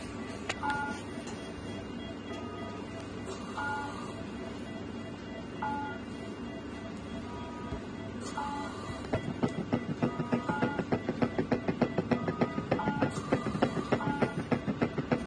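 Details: A cat's heart recorded with an eKuore electronic stethoscope: a rapid, regular heartbeat of about 200 beats a minute, following electronic beeps and hiss.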